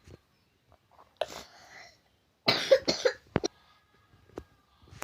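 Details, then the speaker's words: Repeated coughing from a child, which the speaker blames on eating iced drinks and candy. "Hei batuk itu teh heiang dicarek tah eta kan budak bangor mah bedegung dical Ul jajan es permen jadi we kitu batuk"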